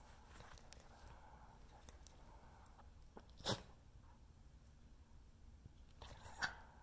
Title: Welsh Terrier morning sneezes